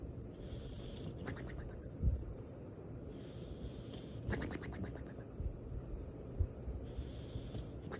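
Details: Sleeping dog snoring: a low rumble with a high, whistling squeak on each breath, at about 19 breaths a minute.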